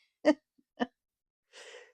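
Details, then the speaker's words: Resting pet snoring after dinner: two brief snort-like nasal bursts, then a soft airy exhale, quiet room; light snoring. "Loop Number Two and let's do one on this other side I don't know if you can hear chaa snoring but"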